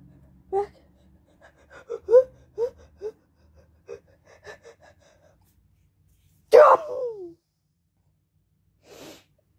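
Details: Sneezing triggered by perfume: several short catching breaths build up to one sharp, loud sneeze, then a softer breath out.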